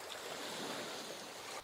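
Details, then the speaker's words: Boulder Beach crashing ocean waves, one of four hearing aid ocean-wave tinnitus therapy signals designed to mimic the sea. "इन प्रकृति संकेतों में boulder बीच, (लहरें दुर्घटनाग्रस्त) चट्टानी समुद्र तट, कंकड़ समुद्र तट, और स्वर्ग समुद्र तट शामिल हैं।"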